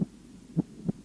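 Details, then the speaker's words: Normal heart sounds auscultated at the apex: three low, clean thumps in about a second, first sound louder than the second, no murmur between them. "в норме на верхушке первый тон громче второго"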